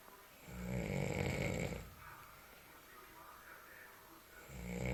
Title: Snoring in the night